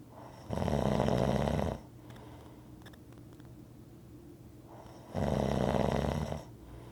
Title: Rhythmic snoring audio